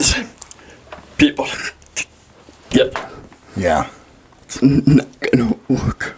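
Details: Dysarthria in a 23-year-old man with cerebral palsy, speaking in a podcast interview.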